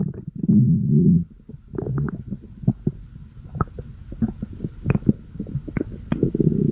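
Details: Stomach growling: low rumbling growls with bubbling gurgles and small pops, rising again at the end.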